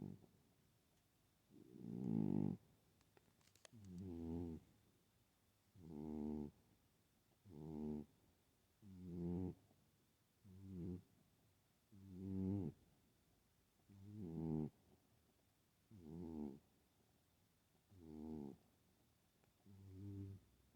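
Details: Sleeping female cat, known to snore but not usually like this, snoring loudly with rhythmic fluttering, rattling breaths, roughly 30 a minute, in a quiet room; snoring.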